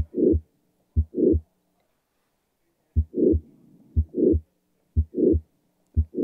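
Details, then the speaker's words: Mitral valve prolapse murmur on the Harvey mannequin simulator, heard via stethoscope: simulated heartbeat at about 60 a minute, each beat with a sharp sound and a rushing flow murmur. "so we had mitral valve prolapse let's see how it sounds different and turn to those normal all right aaron take us on yeah right there right there you hear the flow"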